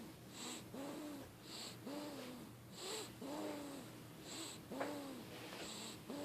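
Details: Sleeping young boy snoring: steady, rhythmic snores, each breath a rough, humming snore with an airy hiss, repeating about once a second.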